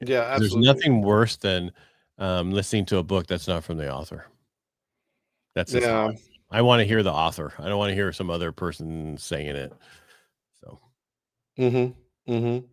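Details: Adult man speaking; typical speech.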